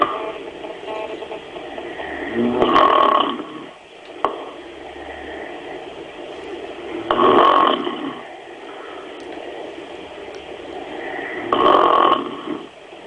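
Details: Two people snoring while another tries to sleep: loud, rough, rattling snores on inhalation about every 4.5 seconds (roughly 14 a minute) over steady room noise: snoring.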